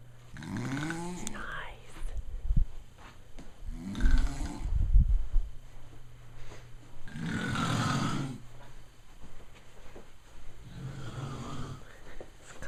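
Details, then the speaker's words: Dad recorded snoring in his sleep, heard from another room, family suggesting a sleep study: loud, rough snorts on breathing in, repeated with pauses; heavy snoring with room noise. "Is the snoring too loud for you, Chloe? Oh, Chloe? Can't handle the snoring?"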